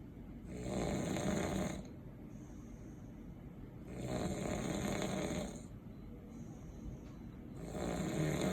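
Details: Person snoring heavily while sleeping: three long, loud, rumbling snores about every three seconds, with quieter breaths in between.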